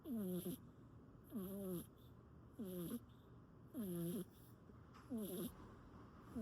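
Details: Cat, likely British shorthair, asleep pressed against its owner and snoring: soft, regular squeaky whistling noises about every 1.3 seconds (roughly 48 a minute) over faint background music.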